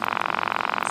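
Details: Battery-powered automatic wrist blood pressure cuff inflating on a man who had just been moving, with his arm unsupported (reading 158/111): steady, rapidly pulsing motor buzz of the pump.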